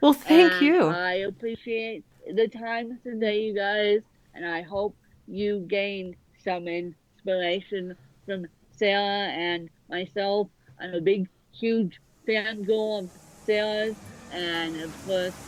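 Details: Dysarthria in a woman author born with cerebral palsy affecting both sides of her body; her speech is largely unintelligible to automatic transcription.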